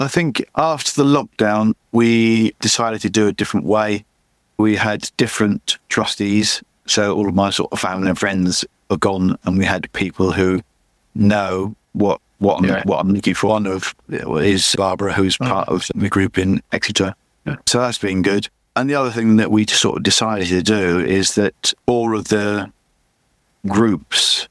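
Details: Adult male with chronic aphasia after a massive stroke about 11 years earlier; still unable to read or write, and he says his speech is not great; repetitions heard; aphasia.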